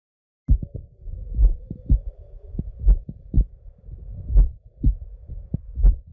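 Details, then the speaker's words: Normal horse heart sounds heard through a cardiac stethoscope over the mitral, aortic and pulmonary valves: slow, regular paired lub-dub thumps at about 40 beats a minute over a faint steady hum. "okay so now that you've heard the love dubs of a normal horse"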